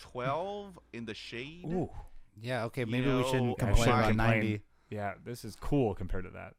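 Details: Adult male speaker; typical speech.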